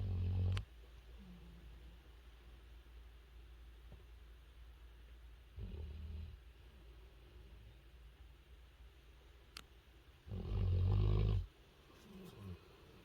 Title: Snoring Dog | Cutest Puppy Naping and Snoring Loudly